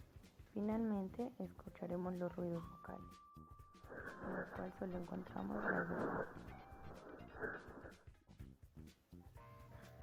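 Muffled, nasal, bleating voice through the chest wall: egophony, a sign of lung consolidation or fluid above an effusion.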